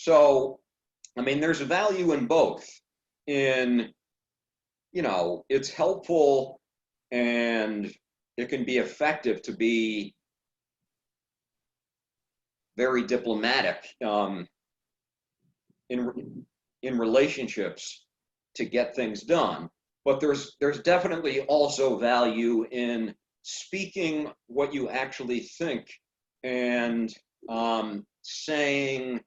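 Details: Adult man who stutters, with suspected blocks; stuttering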